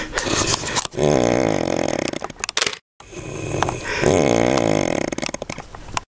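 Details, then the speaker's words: Snoring in a sleeping adult male sailor aboard a boat: two loud, harsh, rattling snores on breaths in, separated by a brief pause; heavy flutter-type snoring. "Okay, listen. We're on the hunt for the snore. The snore."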